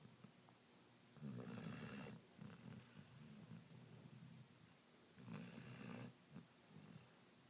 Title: Rhodesian Ridgeback Puppy Snoring